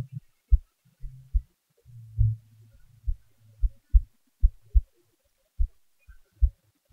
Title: my heartbeat recording